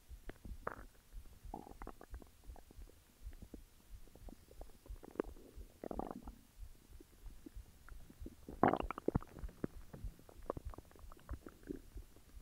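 Irregular low gurgles and squelching rumbles against a quiet background: ordinary stomach growling, a normal sound of gut movement.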